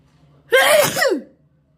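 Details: A single sharp, explosive sneeze with a rising intake before it, from a video game's sound effects rather than a real person; simulated sneeze.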